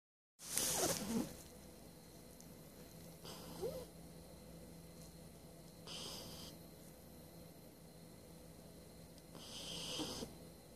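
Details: 12-week-old Shiba Inu puppy snoring while asleep.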